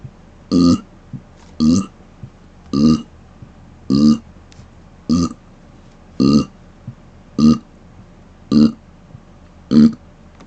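Nine deep closed-mouth burps at a steady pace, about one a second, with quiet gaps between: repeated belching.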